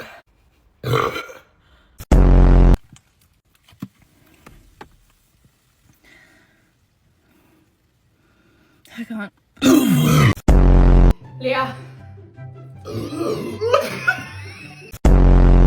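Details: Several loud, long, low croaking burps in a row after drinking Sprite for a burp challenge, with laughter and talk between; burping.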